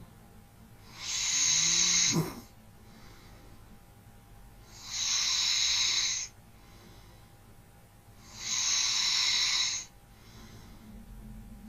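Slow, regular airy snoring on each breath in, about 16 breaths a minute, with quiet breathing between.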